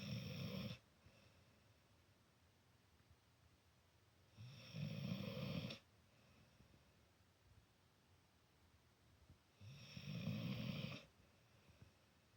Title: Cat Tries to Sleep While Dog Snores Loudly